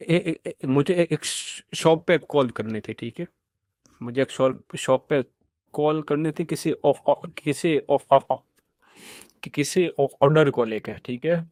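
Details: Adult man who states he stammers; stuttering.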